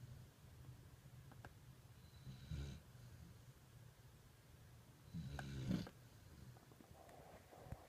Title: Snoring puppy! Sounds like grandpa!